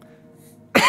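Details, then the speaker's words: One sudden loud cough burst from an adult with a bit of a cough, over low room hum, cut off at the end. "pardon me got a bit of a cough and you can hear my dog in the background with his reverse sneezing cuz he's been licking his paws like crazy"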